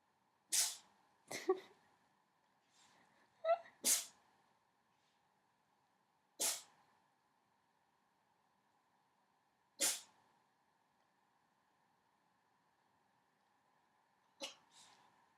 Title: My cat sneezes